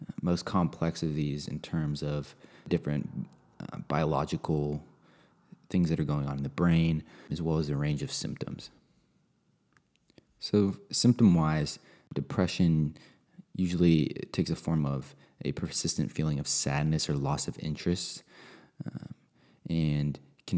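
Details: Adult male speaker; normal speech.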